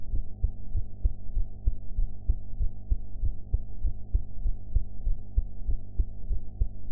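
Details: Own heart sounds recorded after eating ("blue"), audio quality enhanced afterwards: regular low thumping heartbeat, about 97 beats a minute, over a steady low hum.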